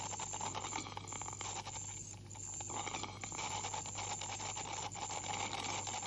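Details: 44-year-old woman with heavy plaque and tartar, possible gingival inflammation, dental hygienist cleaning: steady high-pitched whine with hiss, scraping clicks and low hum of an ultrasonic scaler removing tartar.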